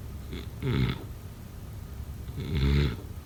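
Two deep, rumbling snores about two seconds apart over steady background hiss; ordinary sleep snoring.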